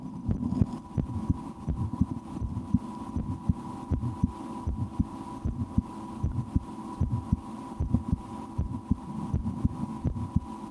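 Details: Own real heartbeat through a stethoscope while holding breath at times and trying to raise the rate: steady, regular beat, roughly 85 a minute, with a constant low hum; normal heart sounds.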